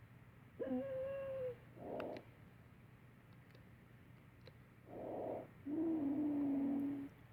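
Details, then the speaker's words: Simulated wheezing, as in asthma, played on a mannequin: breath sounds with a musical tone. "Wheezing as with asthma. It has sort of a musical tone."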